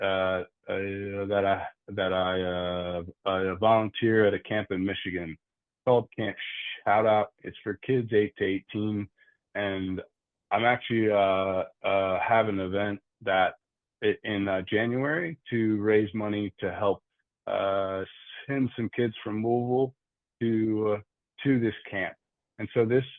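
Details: Adult man who stutters, with frequent word and part-word repetitions and fillers; stuttering.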